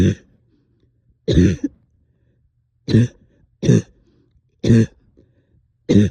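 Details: Adult up all night with heavy chest and headache: six short, harsh, rattly cough bursts about one per second, a productive wet cough with sticky phlegm.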